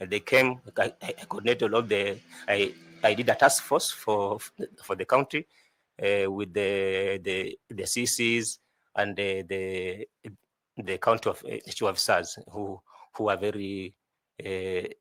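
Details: 41-year-old adult male job candidate who says he stammers a lot; repeated words such as "I I I" heard while answering; stuttering.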